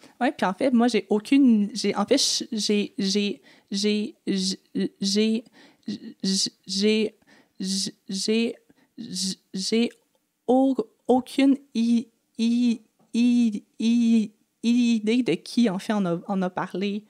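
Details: Adult woman who has stuttered since age 6 (developmental stuttering) and had about 4–5 speech therapy courses across primary school, secondary school and university; real, natural conversational speech showing stuttering.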